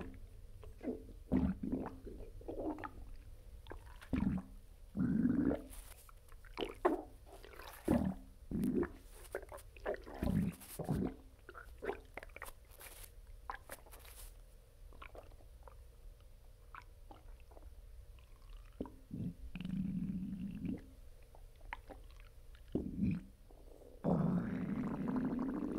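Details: Loud, irregular gurgling and rumbling from the abdomen with squeaky and bubbling tones, recorded immediately after a bowel movement; borborygmi (bowel sounds).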